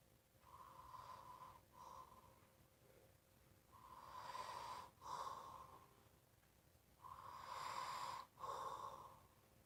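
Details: Snoring with loud breathing: three noisy breaths, each split in two by a brief break in the middle, repeating about every three seconds.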